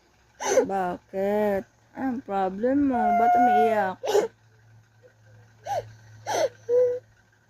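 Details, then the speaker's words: Sick young boy crying in whimpering, wailing bursts with short pauses, an adult's voice briefly asking why he is crying. "What's your problem? Bakit iiyak?"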